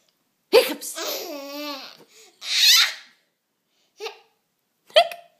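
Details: Young boy with hiccups, which he finds funny: a laugh followed by two short, sudden hiccup sounds; hiccups.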